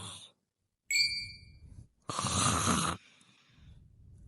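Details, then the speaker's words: A chime rings, then one loud rough, rattling snore-like breath sound, an acted comedic snoring imitation. "conozco desde el pelo hasta la punta de los pies sé que roncas por las noches y vapeas como res"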